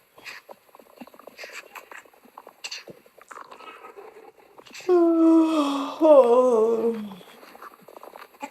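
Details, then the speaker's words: Borborygmi after a large meal, recorded for relaxation content while the person feels full and sleepy and massages the belly: soft gurgling clicks, then a two-second downward-sliding tonal stomach growl. "Mm, I ate so much. My stomach is growling."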